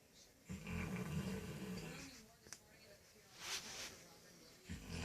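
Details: Sleeping Cane Corso snoring: deep, rattling low snores on inhalation with quieter pauses between, typical of a large dog snoring.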